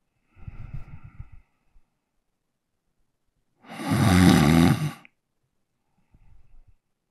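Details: Adult man asleep, recorded with a Zoom H1n handheld recorder, makes three rough, rattling breaths in quiet, the middle one a loud buzzing inhaled snore; ordinary snoring.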